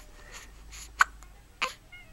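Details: Hiccups in a baby boy who gets them often: two brief, sharp catches about half a second apart against quiet room noise.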